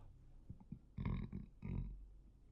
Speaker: Oh, that was a burp. I'm not going to edit that out either. You're going to hear that burp because I'm human.